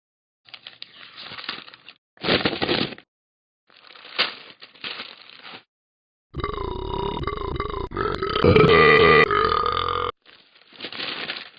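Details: Cartoon character Talking Ben, animated app audio, not real: rustling page sounds, then a long, loud, drawn-out voiced belch lasting several seconds; burping.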